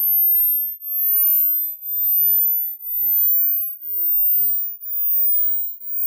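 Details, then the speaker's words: Ear-age hearing test: a very high, thin tone climbs slowly in pitch, pulsing about once a second; the listener's ear age is the point where it becomes inaudible. A high-frequency hearing test sweep. "உங்க காதுக்கு எத்தனை வயசு ஆகுதுன்னு check பண்ணலாமா? Okay நான் play பண்ற sound உங்களுக்கு எப்ப கேட்காம போகுதோ அதான் உங்க காதோட வயசு."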